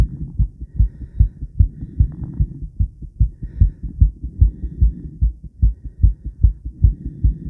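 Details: Adult female's heartbeat recorded around exercise (50 squats): steady, regular low thumping with clear beats and no added sounds; normal heart sounds.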